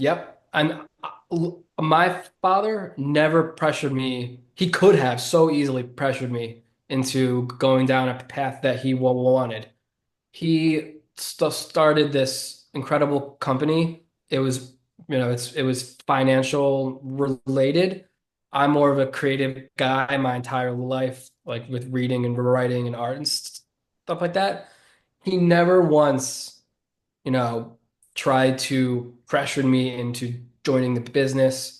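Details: 33-year-old man who has stuttered since about age seven or eight, a stutter he considers predominantly neurological and relatively mild, not severe; stuttering.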